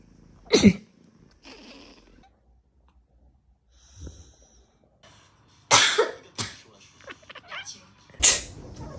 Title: Cat's reaction to sneezing #cat #funnycat #funny #prettyfunny #funnypet #pets #cutecats #petsrule